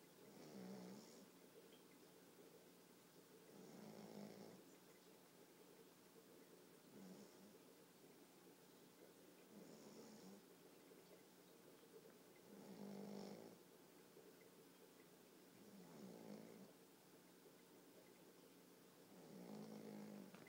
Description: Puppy snoring